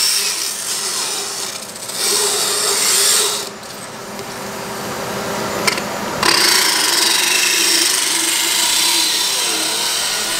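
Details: Steady high-pitched grinding and rasping of a power dental float filing a horse's teeth; the horse feels the vibration, which can make it shake and move, but it doesn't hurt.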